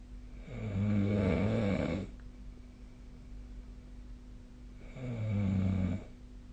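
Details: Two loud, low, rattling snores on breathing in, about three seconds apart, with quiet breathing between and a steady room hum underneath; snoring.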